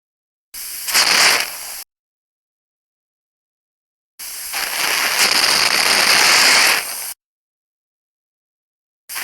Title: Dentists Saliva Pump Suction | Best Sound Effects Free